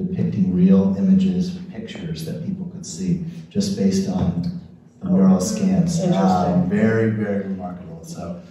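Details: Adult man speaking; normal speech.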